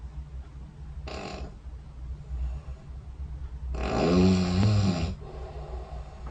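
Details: A brief noisy breath, then one loud, rough snore over a steady low room hum; sleep snoring recorded overnight by a bedside snore-tracking phone app.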